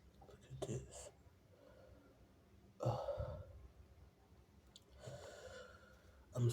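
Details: Several short, forceful sneezes with a vocal catch, separated by quiet pauses, after "Oh my god, excuse me, it was so big, I sneezed on you": strong sneezes.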